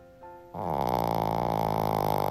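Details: A Shih Tzu dog snores: after a brief quiet start with a faint tone, a loud, buzzy, rattling breath with a rapid flutter, like sawing logs.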